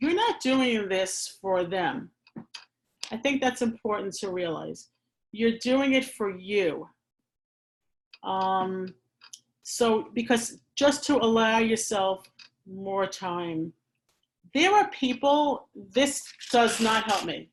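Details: Adult who stammers, speaking in a real chat; she uses pausing and asks for extra time; stuttering.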